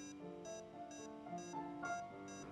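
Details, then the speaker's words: LLEAP simulator patient monitor (simulated) sounding regular high-pitched beeps at about 130 per minute, each synchronized with the SpO2 pulse rate, with soft tones underneath. "pitch beeping is synchronized with spo2 pulse rate the alarm can be silent with alarms off or pause alarm at the top right corner"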